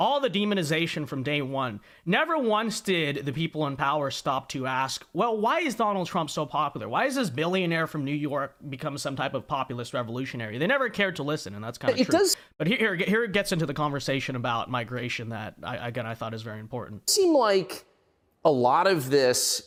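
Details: Adult man speaking; normal speech.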